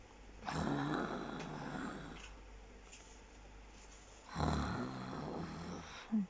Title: snoring like a pig